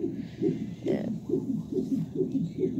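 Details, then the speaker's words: Fetal heartbeat on a labor monitor during labor, before a C-section for a suspected placenta problem: rapid, regular whooshing thumps, about 140 beats a minute. "didn't pack for a c-section but that's my baby's heartbeat by the way"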